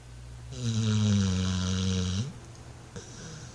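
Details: Snoring from a dog, sounding like a grown man: one loud, low, buzzing drawn-out snore on breathing in, then a quieter breath.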